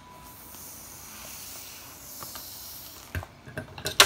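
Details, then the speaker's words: Aneroid sphygmomanometer demonstration: the bulb valve is opened so the gauge returns to zero, giving a steady soft hiss of escaping air that ends in brief clicks. "luego liberamos la perilla o la válvula para que el indicador vuelva a cero"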